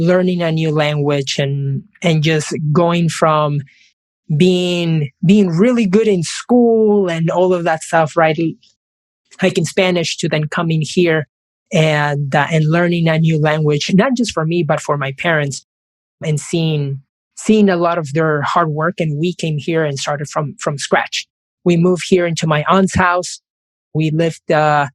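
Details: Adult man who has stuttered since age five, in both Spanish and English; stuttering.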